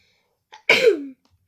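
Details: A quick catch of breath followed by a short, sharp burst with falling pitch, indoors: a single small sneeze.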